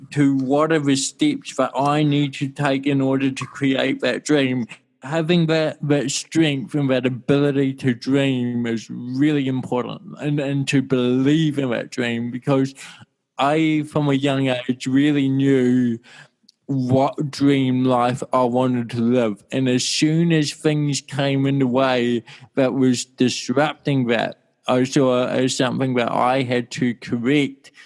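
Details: Dysarthria from cerebral palsy present since birth (1984) in an adult man whose speech sounds slightly different.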